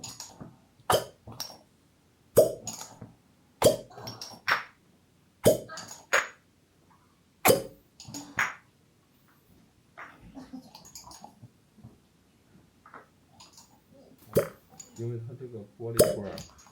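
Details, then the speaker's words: Fire cupping after Chinese osteopathic bone adjustment, said to help blood and Qi circulate and to hurt a little: sharp glassy pops and clinks as glass cups are set on the skin, soft handling noise. "Ça va faire un peu mal. Cela aide votre sang et votre Qi à circuler dans votre corps"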